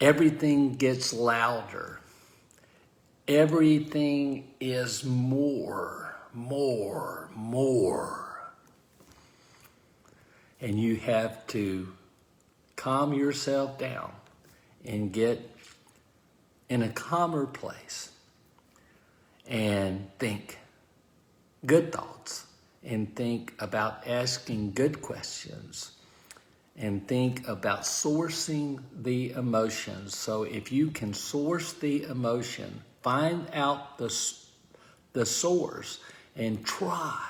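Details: Man with aphasia following a stroke; aphasia.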